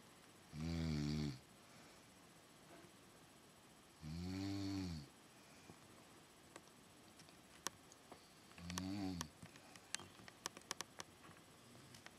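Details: Adult aunt snoring during night sleep, recorded by her niece: three deep, rattling snores about four seconds apart, with quiet room noise between.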